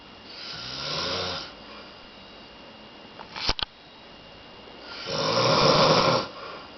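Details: Man sleeping and snoring: two loud, rasping snores on breathing in, separated by quiet breathing and a brief click.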